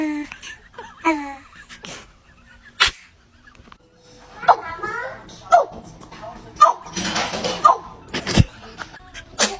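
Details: Infant sneezing: two short, sharp sneeze bursts from a baby among cooing sounds, with background music.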